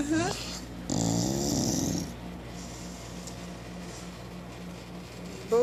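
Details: 4-month-old Cane Corso lying in the back, asleep: a steady, soft rattling snore with a louder noisy stretch early on; a person's voice at start and end.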